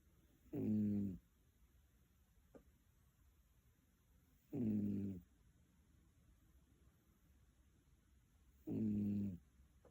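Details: Snoring recorded 14 May 2023: three slow, rumbling, voiced snores at regular intervals, about 15 a minute, in a quiet room.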